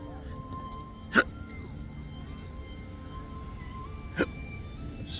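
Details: Two sharp, brief hiccups about three seconds apart over background music and outdoor beach noise, in a patient with intractable hiccups since December 2015 after surgery causing nerve damage; hiccups.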